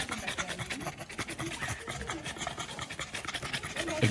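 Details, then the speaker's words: Brachycephalic dog emergency case, previously had BOAS surgery: rapid heavy panting with a harsh raspy edge, nearly stridor, suggesting upper airway narrowing. "There's panting, lots of panting. Yeah. It's actually even nearly a stridor sound in there."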